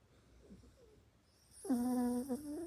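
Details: Loud snoring: quiet breathing, then one sustained, high, whistling sound on a breath, consistent with a whistling snore.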